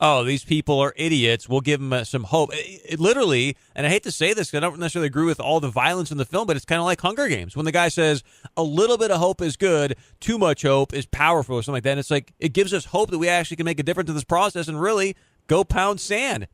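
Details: Adult man speaking; normal voice.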